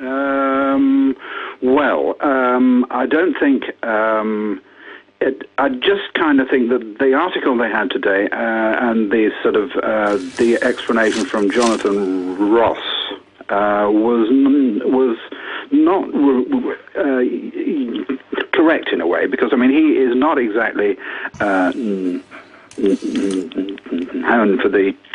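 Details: Stammering in an adult man who has lived with a stammer for sixty years.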